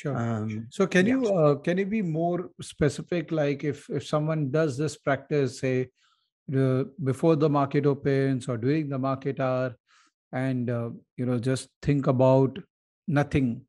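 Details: Adult man; normal speech.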